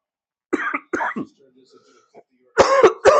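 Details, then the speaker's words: About five harsh, forceful coughs in two clusters separated by quiet wheezy breaths, from a livestreamer who says he is a little sick and has been coughing; cough. ">> Also being a little bit sick chat. Last night I didn't feel it once [snorts] >> besides the coughing."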